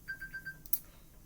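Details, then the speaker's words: Four short, evenly spaced electronic beeps with quiet room noise from a hospital PCA pain pump signalling the hourly button-press maximum was reached, for an inpatient with scleroderma; PCA pump alarm. "let me just silence that so the next limit i pushed it to too many times in one hour i'm only supposed to push it so many times an hour"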